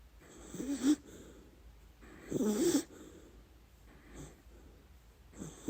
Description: Our dachshund Lady Ruby snoring through her dreams.